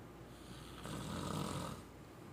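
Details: Snoring during sleep: one rough, rumbling snore on an in-breath against quiet room noise, the flutter of relaxed throat tissues.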